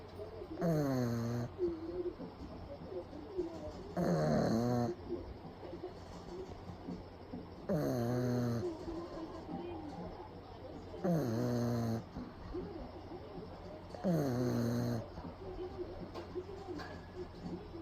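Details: A pug napping in the daytime with eyes rolled back, recorded close up: loud, rough snores about every three to four seconds, with quieter breathing between them.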